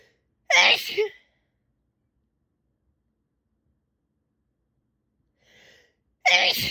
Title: Intense sneezing session